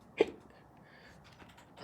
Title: Interview with hiccups